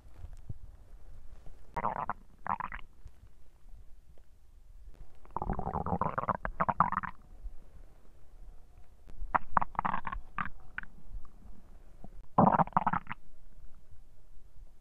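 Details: Digestion sounds (borborygmi), recorded when hunger sounds were intended: loud gurgling, rumbling bursts of stomach growling separated by quiet gaps.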